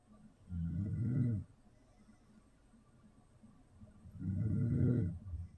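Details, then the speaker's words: Man recording himself asleep in his fairly soundproof room: two low, rumbling, rattly snores about three and a half seconds apart, each about a second long, against quiet room hiss. "The snoring begins. asleep again. And then we got some slightly louder ones here."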